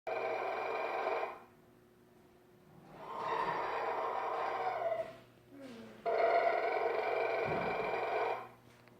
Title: Snoring